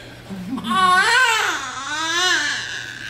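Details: Newborn's cry just after a home birth (mother's eighth baby), around cord clamping and cutting: short, strong, high-pitched cry in two rising and falling wails, with quiet room noise.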